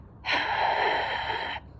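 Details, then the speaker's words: Adult imitates a wheeze: one long, noisy, whistling breath out, as heard with narrowed airways in bronchitis, bronchiolitis or an asthma attack. "That causes wheezing, so a noisy whistle when you breathe out."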